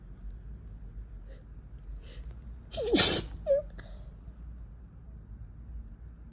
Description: have had an annoyingly sneezy head cold for a few days— was trying to blow my nose but it made the tickle worse .. cue sneezes.